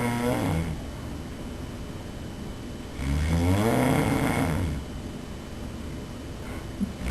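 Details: Loud, low, rattling snores on the in-breath with quieter breathing between, filmed by the snorer's roommate during sleep; heavy snoring.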